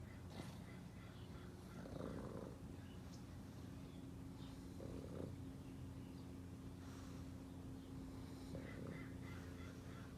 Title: Pug snoring while getting a sun tan